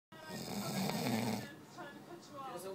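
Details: A rough, rattling breath of a dog snoring, followed by quieter breathing with faint background noise: a dog snoring.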